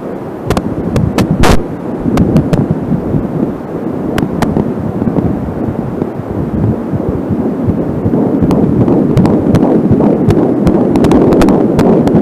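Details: Home Angelsound fetal Doppler recording: rapid whooshing fetal heartbeat near 160 a minute amid crackly static from a short cable, with slower stretches being the mother's own pulse.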